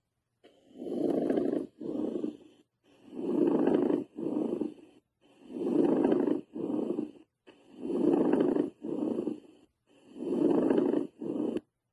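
Rough, grating creaks in paired bursts with each inhalation and exhalation, about 26 breaths a minute: a pleural friction rub.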